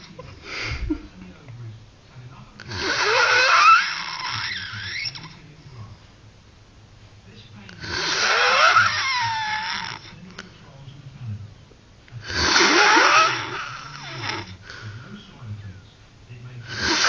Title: worst snoring